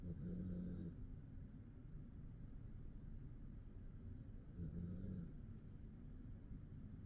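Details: Male dog, about ten years old as of 2024, sleeping and snoring: low buzzing snores on two breaths about four to five seconds apart, with faint breathing between.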